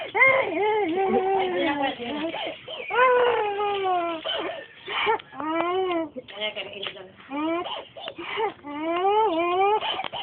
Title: Crying baby dec 6'08